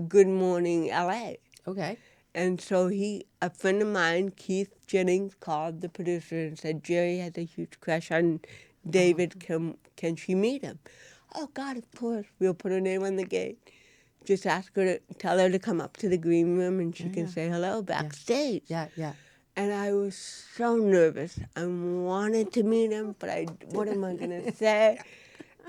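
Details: Real-life speech from an adult woman, an actress, with cerebral palsy present since birth and diagnosed at 18 months; dysarthria (cerebral palsy).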